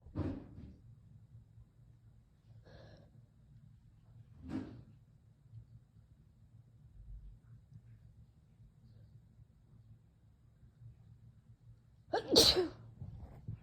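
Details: Soft breathy nasal bursts, then one loud sharp sneeze near the end, from a female with May allergies after weeding; allergic sneezing.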